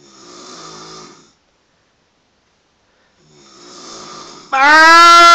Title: loudest snore ever